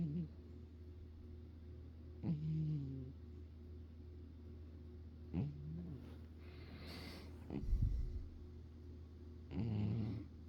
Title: 4/11/23 - more of my cat snoring in my ear.